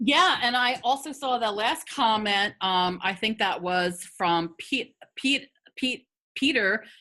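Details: Adult woman who has stuttered for 50 years, a person who stutters speaking in a webinar; stuttering.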